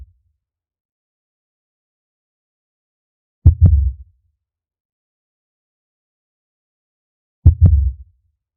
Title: Blue Whale Heartbeat Sound Effect in HD Quality